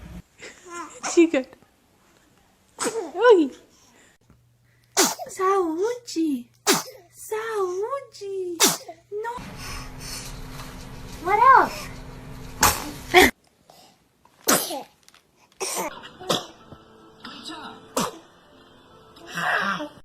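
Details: Baby: a string of small, high-pitched sneezes and squeals, with adult voices saying "bless you" and brief room noise between them.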